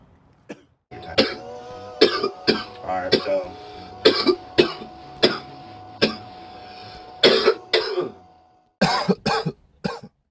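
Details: Many short, harsh coughs and throat clearings with bits of speech and a steady background tone, edited together from a show's season 1; ordinary coughing compilation.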